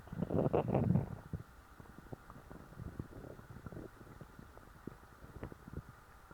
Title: stuffed stomach growls